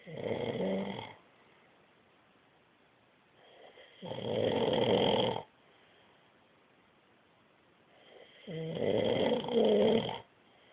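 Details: Adult man (husband) snoring in sleep: three loud rattling snores on breathing in, about one every four seconds, with quiet pauses between; recorded on an Android phone.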